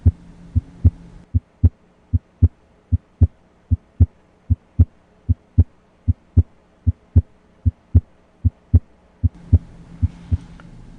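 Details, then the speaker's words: Normal heart sounds heard with the stethoscope diaphragm over the aortic area, right second intercostal space, during a systematic cardiac auscultation demonstration: regular lub-dub at about 76 beats per minute. "then the left second intercostal space in the left lower sternal border then at the point of maximal impulse with the specific sounds that are heard loudest at certain locations again S1 is loudest at the Apex and S2 is loudest at the base of the heart"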